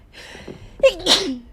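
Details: Female streamer sneezing during a live stream: quick inhale, then one sharp, voiced sneeze trailing into a short vocal tail.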